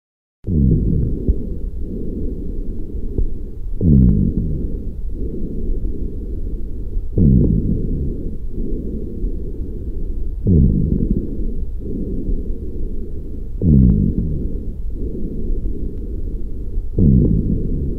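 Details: Lung sounds through a stethoscope: low, rough breath sounds at about 18 breaths a minute, with sharp bursts at the start of each breath.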